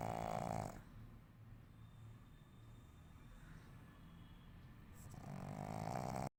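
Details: Sleeping black pug with loud, low, rattling snores on each breath that fade in the middle and then return: snoring.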